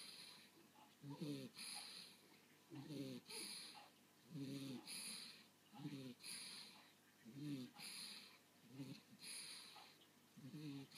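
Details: Soft, regular snorting breaths with a faint hiss, about 37 a minute, from a sleeping dog; gentle snoring.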